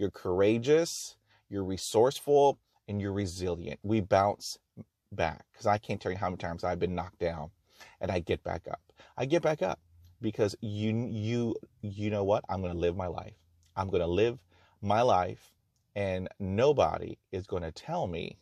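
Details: Real stuttering in an adult man who has stuttered for 44 years and still stutters with blocks and repetitions despite over 20 years of speech therapy.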